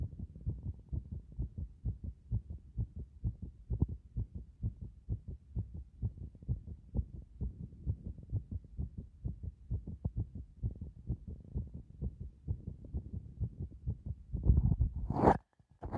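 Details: Heart sounds recorded at various positions on the chest: rapid, low thumping heartbeats, with handling noise at the end; ordinary heart sounds.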